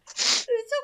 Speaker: I sneezed. Oh, okay. That sounded like it hurt. No, it's just a sneeze.